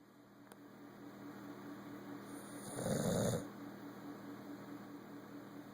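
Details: A single low, rumbling snore over steady room hum from a sleeping bully-breed dog; snoring.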